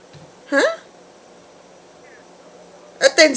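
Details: A baby hiccupping: two short, sharp voiced hiccups about two and a half seconds apart in a quiet room.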